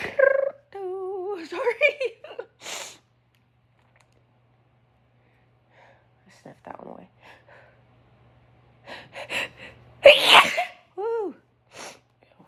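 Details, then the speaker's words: Person having a run of intense sneezes: a forceful, explosive sneeze with a catch of breath before it and short vocal sounds around it; sneezing. "gross those were kind of intense at least got to be at least one more come out"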